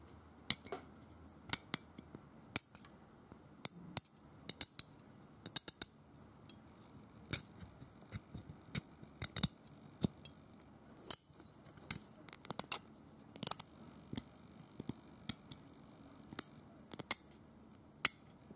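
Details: Simulated dental scaling with a hand scaler on a painted teeth model rather than real tartar: sharp, irregular metallic scraping and clicking.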